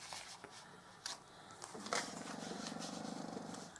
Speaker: Can you hear my dog snoring? That's my little tiny puppy that fits in my hands, and that's the noise she makes when she's asleep.